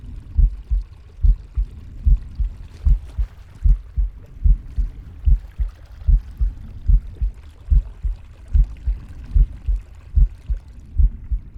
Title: Captain Pig's heartbeat, breathing, and stomach growling